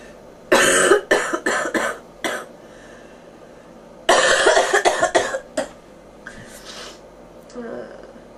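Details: Bronchitis cough in a person reporting fever and popping ears: two bouts of harsh, loud coughing, about five coughs each, with a short quiet gap between.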